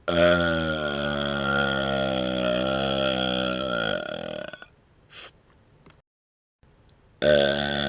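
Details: Deliberate burping while moving the tongue outside the mouth: a long, loud, voiced burp of about four seconds, a brief pause, then another burp starting.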